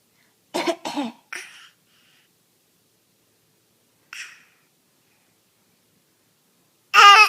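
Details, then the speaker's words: A child gives several short, sharp coughs in quick bursts, with pauses between. "Do you have a cough? Oh my goodness."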